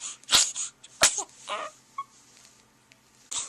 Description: Compilation of some of best sneezes